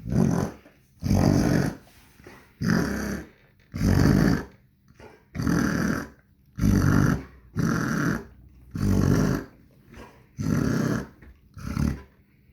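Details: Dog (owner suspects kennel cough, plans to call the vet): repeated harsh, rumbling, honking breath noises; suspected kennel cough.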